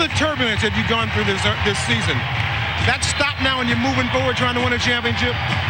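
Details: Adult male interviewer; Normal voice.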